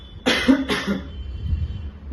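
Two quick, forceful coughs in a short burst, imitated as a demonstration of a paroxysmal cough.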